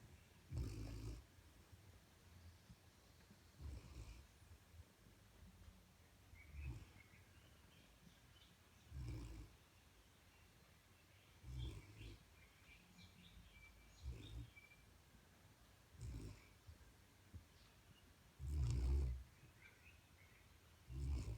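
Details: Sleeping dog described as a big snorer, on his bed: soft, low snorting breaths at irregular intervals, roughly 24 a minute, against quiet room noise; snoring.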